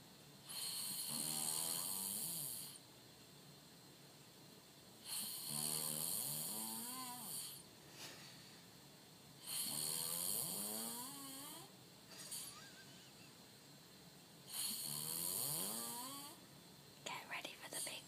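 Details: Loud, rattling snores about every five seconds from a sleeping person, each with a harsh hissing edge and pauses between; noisy sleep breathing, snoring.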